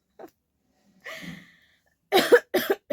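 An adult gives a few deliberate coughs after a brief breathy sound, with short quiet gaps between.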